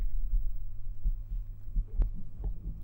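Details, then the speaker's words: Normal heart sounds of the recording person's own adult heart, heard through a stethoscope whose earpieces feed a binaural 3Dio microphone in an ASMR recording: soft, regular low thumps with a steady low hum behind. "heartbeat sounds through a stethoscope the earpieces of the stethoscope are connected to the ears of this 3DO so you will be listening to my heart the way a doctor would"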